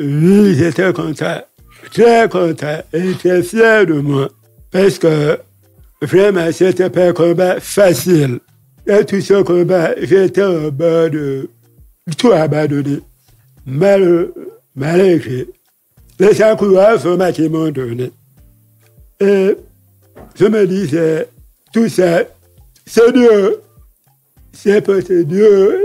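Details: Deaf man who lip-reads, deaf since a childhood illness, who says his voice has not sounded normal since a childhood throat operation; speaking French; deaf speech with altered voice.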